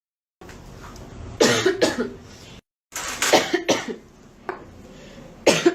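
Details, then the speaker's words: Woman with a persistent cough, apologising for it and saying she needs cough syrup, gives about five harsh, explosive coughs in quick clusters with a short pause between groups. "Nossa, gente, você desculpa pel essa tosse, mas tá osso."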